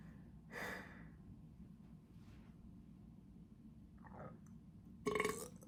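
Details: Person feeling bloated burping: two short burps, one early and a louder one at the end, with quiet breathing between; belching of swallowed air.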